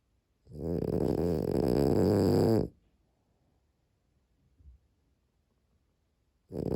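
Long rattling snores with a vibrating, fluttering quality, separated by a quiet pause of about four seconds: snoring in a sleeping dog.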